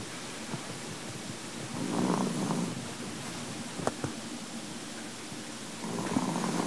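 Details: Chihuahua snoring after a full meal: soft, rough rumbling breaths in slow cycles against a steady low background.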